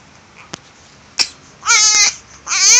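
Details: Two short, high-pitched, strained cry bursts from an infant with fever, runny nose and cough, described as unwell and having difficulty breathing.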